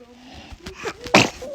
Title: A surprise sneeze from a little kid 😂 #cute#babyl